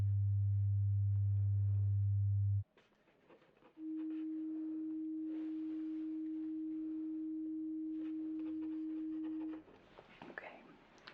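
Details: Simulated ASMR role-play pure tone audiometry via headphones, tones in both ears, listener raising hand on hearing: steady pure test tones, a low one then a higher one, over quiet room noise.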